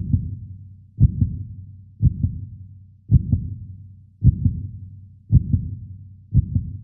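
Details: 3D animation of a human heart with regular paired lub-dub heart sounds at about 56 beats a minute, a steady normal rhythm; normal heartbeat.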